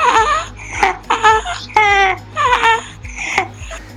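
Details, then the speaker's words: Young child with laryngitis (croup) crying, harsh high-pitched noisy breaths between cries; inspiratory stridor. "on peut voir aussi des maux de gorge astrid or qu'un bruit inspiratoire comme ici"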